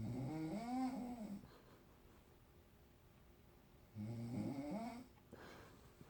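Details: An adult woman (the uploader's mother) snoring while asleep in a hotel room: two loud, rattling inhaled snores about four seconds apart, with quiet breathing between them.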